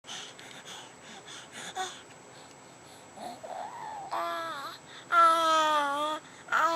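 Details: Infant born with vocal cord paralysis, now recovering: soft babbling, then clear voiced cries and coos as vocal cord function returns.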